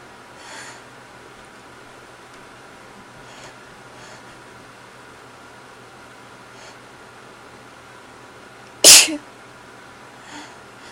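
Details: Just a few sneezes; here one sharp, explosive sneeze in a quiet room with faint breathing sounds.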